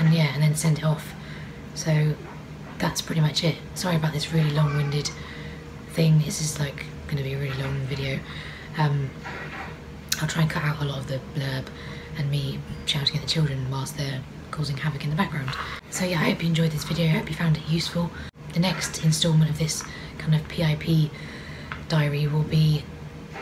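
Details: Adult woman with Charcot-Marie-Tooth disease affecting her peripheral nerves, diaphragm and vocal cords; no medication treats it; straining her voice causes dryness, strain and pain: vocal cord paralysis.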